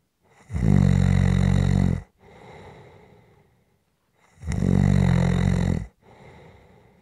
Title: SNORING For Rest Relaxation Sleep and White Noise